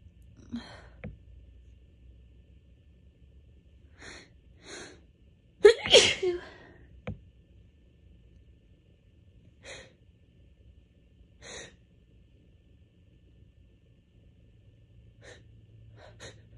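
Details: Allergy sneezing during a week of bad allergies, just before bed: quiet sharp inhaled catches build up to one loud explosive sneeze, followed by more sniffly catches.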